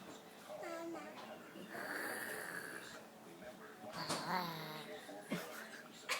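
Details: Young girl playfully imitating her father's snoring: rough, voiced snorts and drawn-out breaths; not true snoring.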